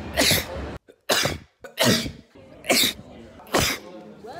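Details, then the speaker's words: Man recording his own everyday sneezes on a phone: five sharp, explosive sneezes in quick succession, each a sudden burst of air with a brief intake before it; sneezing. "I just I just decided one day in the 13th of November 2019 that I was gonna start recording myself every time I sneezed obviously sometimes I didn't have my phone on me so I couldn't record it"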